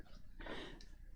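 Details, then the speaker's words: Sleeping dog, sound asleep: a single soft, rough, noisy snoring breath against low room hum. "if you can hear that that's the dog snoring"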